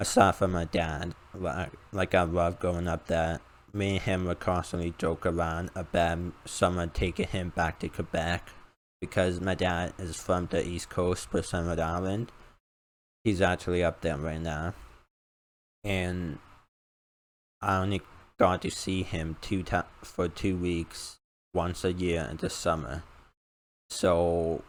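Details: 19-year-old male college student with a self-described uncontrollable speech impediment, after about 10 years of speech therapy; formerly used an iPad talking device, not needed for about three years; speech impediment.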